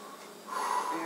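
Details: Lung auscultation during a thorax exam, with the patient not short of breath: a soft, airy breath building in strength, with clear, undiminished airflow and no added sounds; normal breath sounds.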